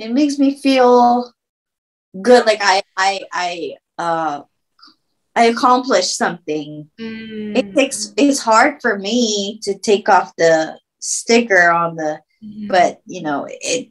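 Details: Woman who had a stroke at age 24, about 10 years earlier, speaking with word-finding difficulty; aphasia.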